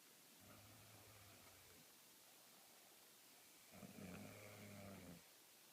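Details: Low rumbling snores from a female asleep, secretly recorded and described as snoring loud, with room noise between breaths; snoring.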